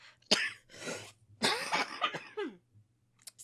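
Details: An adult woman gives two harsh, rough, wet-sounding coughs, consistent with a chest infection, then briefly speaks.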